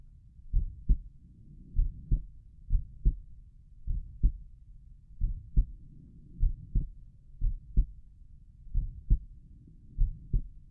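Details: Own heartbeat at Erb's point while lying down and relaxing: regular paired lub-dub heart sounds at about 57 beats a minute, with soft low rustling background noise between beats; heart sounds.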